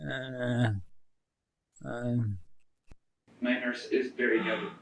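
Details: Man with bulbar ALS in a brain-computer interface (BrainGate) trial, phrase replayed; dysarthria (bulbar ALS).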